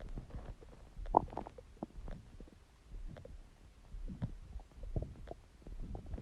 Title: Stomach Growling Sound | My Stomach Makes Noises